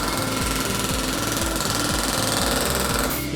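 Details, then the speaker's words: Loud rapid mechanical buzzing and rattling pulses with background music: the vibration therapy handpiece of a MASTERPULS MP200 shockwave therapy machine switched on in a device demonstration. "the radial part you would hit the radial part of the tablet and to start the handpiece [Music] hit the button to stop it you hit it again very simple to use but very effective"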